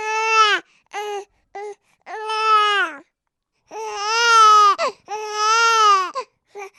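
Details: Sound sample of an infant crying: repeated high-pitched wailing cries with short breaks for breath between bursts; ordinary infant crying.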